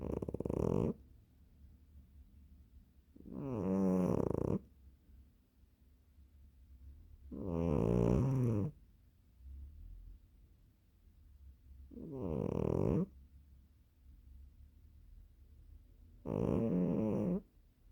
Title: 😴😺 猫がいびきをかく cat snoring 고양이가 코를 골다😍